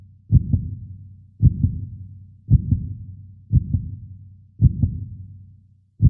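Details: 3D animation of a human heart beating: steady paired lub-dub beats at about 55 per minute; normal heartbeat.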